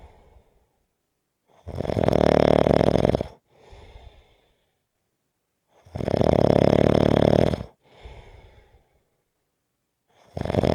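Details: Loud, deep, rumbling snores on each inhalation with quiet exhalations, about 14 breaths a minute; snoring.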